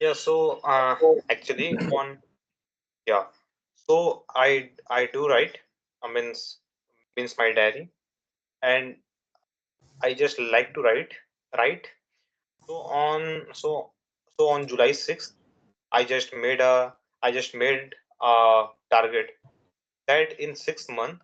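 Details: Stuttering in a young adult man who has stuttered since childhood, for more than 10 years; his father also stammered, and his main triggers are nervousness and a fast speech rate.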